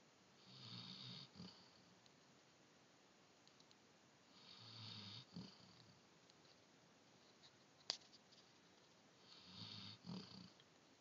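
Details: Three slow, rumbling snores with a breathy hiss, about 13 breaths a minute, in a quiet room.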